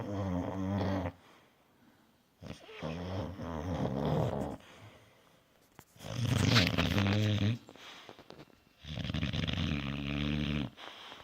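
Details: Boxer dog snoring in a small room: loud, rumbling, fluttering snores on breaths in and out, about five to six breaths a minute.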